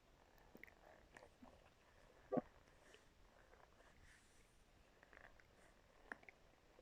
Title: stomach growling with my brush